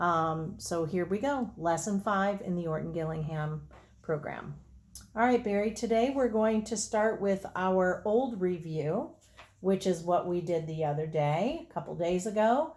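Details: Adult woman (teacher) speaking; typical speech.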